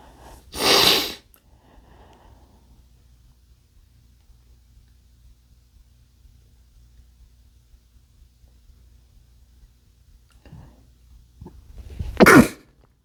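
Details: Two loud explosive sneezes from a man about eleven seconds apart, the second preceded by a sharp in-breath, in a quiet room; sneezing.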